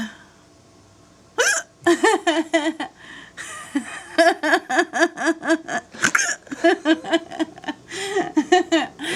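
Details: An adult woman with a bout of hiccups: short, sudden voiced gulps recurring among fits of laughter while her boyfriend films and tries to help.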